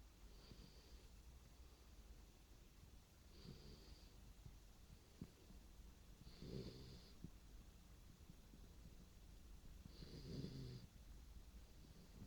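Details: Springer Spaniel puppy asleep, snoring: soft, wheezy, whistling snores about every three seconds over steady room hum.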